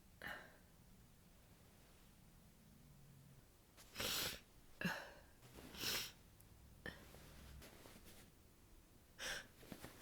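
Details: Run of about five muffled sneezes into a down duvet, some preceded by a short breath in, from a person in bed after a cold, windy outing; sneezing won't stop, hopes it is not a cold.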